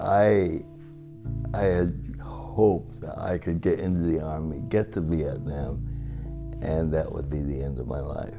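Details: Adult man with cerebral palsy, affecting both his speech and his walking; together for 57 years; dysarthria (cerebral palsy).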